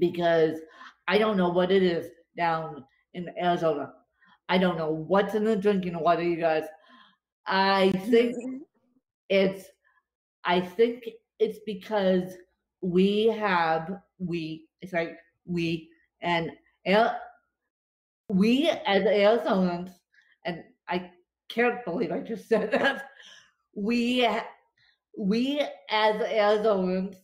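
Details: Dysarthria with disfluent speech in an adult woman with cerebral palsy affecting her limbs and brain; she describes speech as tongue-tied following a bad spasm day.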